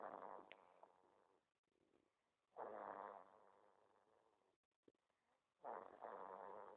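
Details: Soft, fluttering, purr-like snores recurring every few seconds, fading between breaths; gentle snoring during sleep.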